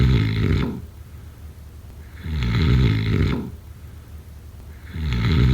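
Loud, rattling snores on each breath, steady at about 22 a minute. Heavy snoring during sleep.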